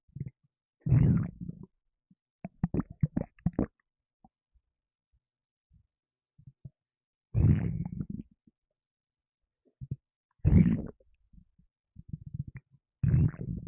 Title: Lemonade rumbles and burps